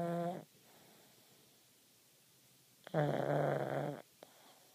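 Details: Two buzzing, vibrating snorts, separated by quiet pauses, from a pug sleeping with its eyes open; snoring.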